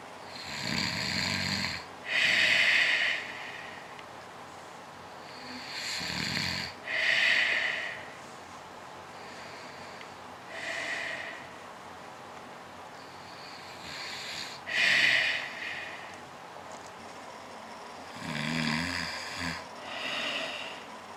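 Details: A sleeping man snoring in a shared hotel room: loud, rasping snores with long quiet gaps, about five or six in twenty seconds.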